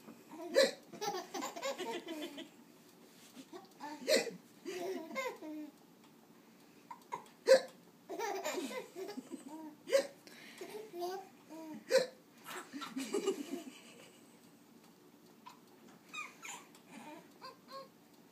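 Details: Infant gives about five sharp repeated hiccups with deep chest movements, each followed by giggling and laughter; laughing at his own hiccups; ordinary harmless hiccups.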